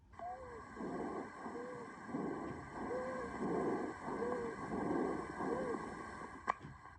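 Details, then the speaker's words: Asthma attack with airway inflammation and tachypnea: rapid, noisy breaths each carrying a high-pitched, whistle-like musical tone from narrowed airways; high-pitched wheezing. "h is for high pitched wheezing probably the most classic sign of an asthma attack it sounds like a whistle due to that inflammation causing narrow airways sounding a lot like this"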